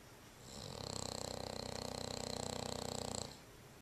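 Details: Bulldog snoring, recorded on a Flip Video camcorder: one long, rattling, buzzing snore lasting about two and a half seconds with fast fluttering throughout. Snoring.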